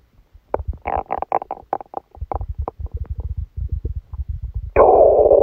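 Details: Rapid runs of bubbling, popping gurgles ending in a longer rumble: borborygmi during a stomachache after Christmas dinner, recorded while the person slept.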